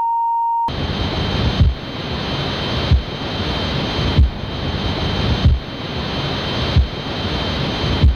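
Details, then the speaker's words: Simulated tinnitus: a steady pure ringing tone, then high whistling tones over rushing, surf-like noise, imitating the ringing in the ears of tinnitus. "Tinnitus is a condition that affects 1 in 10 people in the UK alone. Most of us have had it. It's that annoying ringing in your ears you get after a night out or a gig."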